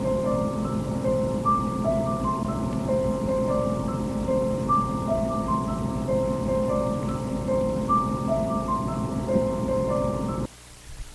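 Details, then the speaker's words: CEREC acquisition unit imaging a tooth prepared for a crown: a soft looping melody of tones that signals good image data and replaced the machine's older clicking sound. "so that is me using the CEREC machine to acquire the image of your tooth after I've prepared it for a crown that machine used to make a like a clicking sound"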